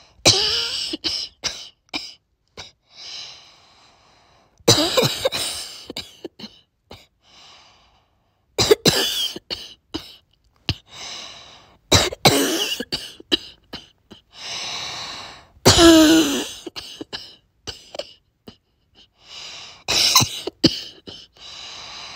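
A child's harsh, barking coughs come in clusters, with whiny, strained sounds and breaths between them.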